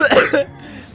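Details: A brief noisy breath with a whistling, musical tone, the speaker's own wheeze, followed by quiet room noise.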